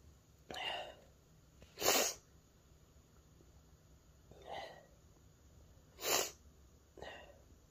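Five short sneezes. Sharp hissing bursts alternate with softer ones, in a quiet room.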